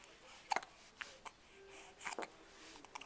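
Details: Baby girl with hiccups: several soft, abrupt little gulping catches over a few seconds in a quiet room.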